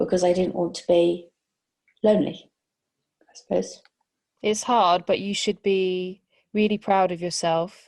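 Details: Adult woman speaking; no disorder (interviewer).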